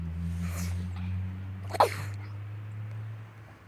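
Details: A single short, sharp burst of air over a steady low hum from a pet; one sneeze.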